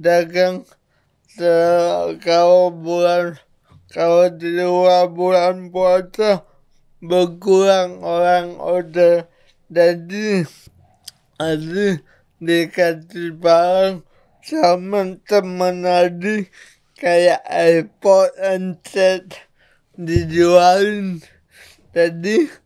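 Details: Adult man with cerebral palsy from birth, attributed to a birth injury during a breech delivery and described as severe; he could not walk until age 9; real speech; dysarthria (cerebral palsy).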